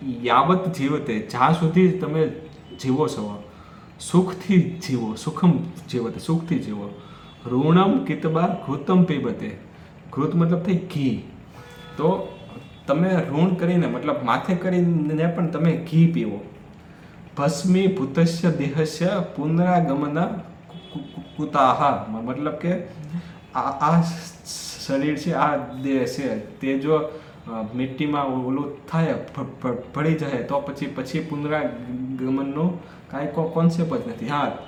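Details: Adult man who stammers, on Day 4 of his daily speech practice, speaking Hindi in a section where he reports noticing more stuttering: stammering.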